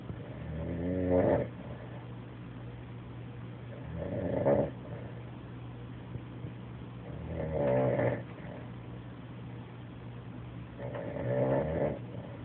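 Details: Adult man passed out asleep on a couch, snoring: four low, fluttering snores at about 18 a minute, each rising into a rough buzz, separated by quiet breathing.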